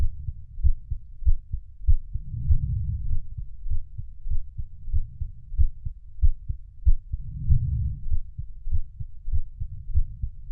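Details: Steady, low, muffled normal heartbeat thumps at about 97 beats a minute, with a slow, soft swelling rumble.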